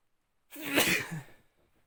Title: some sneezes